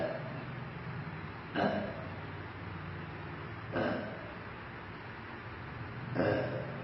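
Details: Girl burping with stomach pain: three low, drawn-out belches about two seconds apart over steady background hum; burping.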